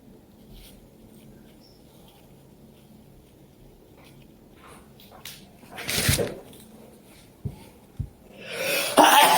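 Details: Sneezing during a major allergy attack (at least 30 sneezes in an hour) in a cold, dusty lab, possibly with animal hair; quiet room, then a sharp sneeze burst and a second loud blast.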